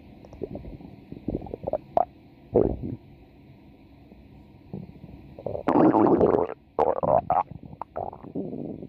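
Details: A female subject's stomach growling (borborygmi) from a 4-minute recording: loud gurgling and rumbling bursts with quieter pauses between.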